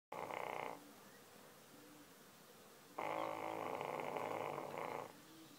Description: My english bulldog and her agressive snoring habits